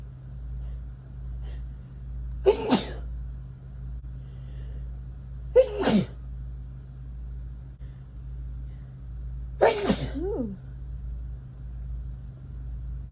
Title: October sneezes